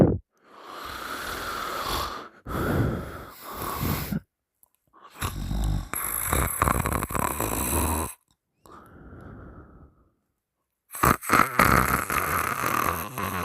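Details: Loud, harsh open-mouth snoring in long rattling bursts with pauses and one softer, different-toned noise between; partner held the sleeper's nose shut three times, the sleeper waking the third time with weird noises.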